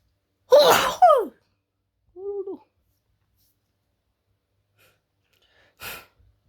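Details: Repeated wet sneezes: an explosive double sneeze, a short gasping sound, then another sneeze after a pause.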